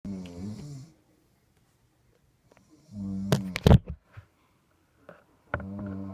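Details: Human snoring: loud, rough, low-pitched snores on inward breaths, separated by quiet pauses, with a brief snort between; snoring.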